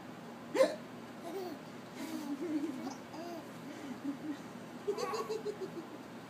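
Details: An infant laughing at his own hiccups, with deep chest movement: brief sharp catches of breath mixed with soft laughing sounds.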